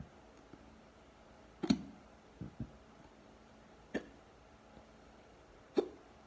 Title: Deep hiccups